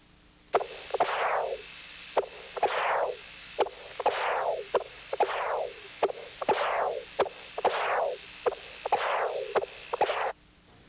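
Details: Repeated whooshing Doppler flow bursts with sharp prosthetic valve clicks: Doppler flow across a tricuspid valve prosthesis, with signal that does not rise with inspiration.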